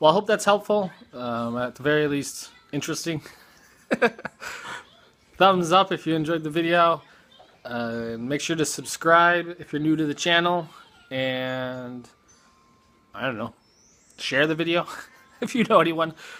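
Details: Adult speaker; normal speech.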